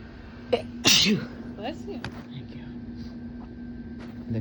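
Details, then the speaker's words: Single sharp, forceful induced sneeze, possibly photic sneeze reflex after looking at a bright light, followed by quiet chatter and a low room hum; casual recording of partners inducing sneezes, nose itchy and running. "My nose wants to sneeze again. I can feel it."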